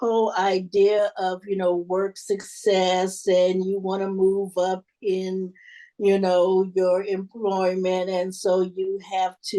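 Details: Adult panelist who stutters, reporting word avoidance and covertness as part of the stuttering; stuttering.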